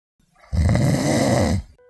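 A single loud, rough, rattling breath lasting about a second; a heavy snore from a television advertisement.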